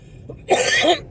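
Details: A single short, harsh adult cough with a rough throat-clearing quality against a quiet background, attributed to sinus trouble from a sudden cold change in weather.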